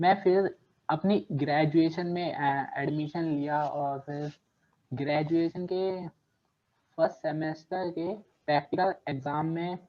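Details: Adult man who has stammered since childhood, speaking Hindi; stuttering.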